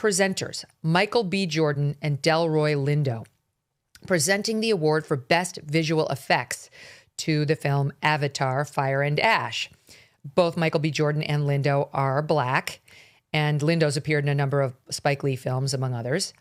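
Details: Adult male speaker; ordinary speech.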